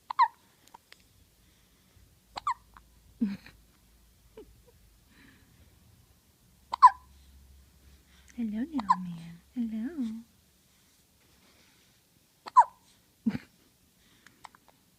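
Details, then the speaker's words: Baby with recurring hiccups, smaller than his usual ones: sharp, brief hiccup bursts with a few soft baby vocal sounds between them. "Yep, some little hiccups. Now, if these are little hiccups for you, normally you get the big ones."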